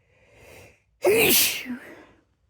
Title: 15 Feb 2026 - three sneezes